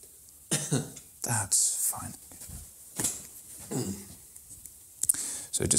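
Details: Adult man giving a single voluntary cough on request while examiner presses over the groin during an abdominal clinical-skills examination demonstration; quiet room with speech around it.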